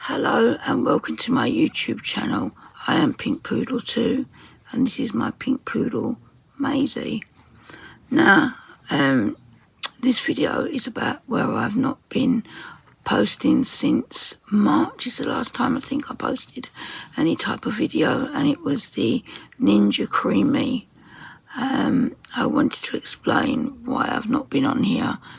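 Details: Woman with muscle tension dysphonia (very tight, stressed muscles around the vocal cords), also affecting swallowing, severe at times, attending speech therapy; lasting about 4 months.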